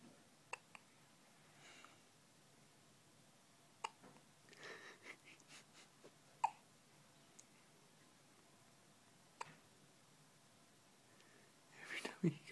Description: has a bout of hiccups.... sooooooooo cute!!!